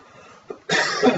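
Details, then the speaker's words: One loud, harsh, sustained adult cough after a short quiet stretch and a faint catch of breath. "I'm still coughing less yeah definitely as bad as this sounds you are still coughing less yeah and it sounds worse than it is"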